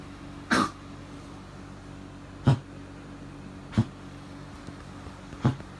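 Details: Animal coughing at 3am, vomiting white foam 30 minutes later: four short, dry cough bursts one to two seconds apart over a quiet room hum.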